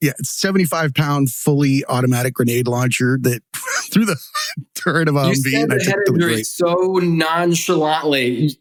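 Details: Adult male speaker; typical speech.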